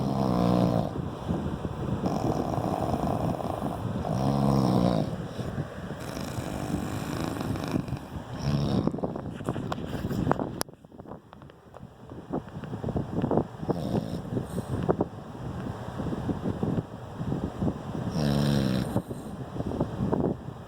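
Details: Loud, rattling snores recurring throughout, with rough, fluttering inhalations and quieter gaps between; snoring during sleep.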